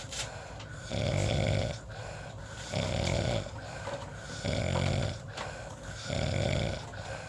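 Loud, rough, low snores on each breath in, about four in seven seconds, with quieter breathing out between them: snoring.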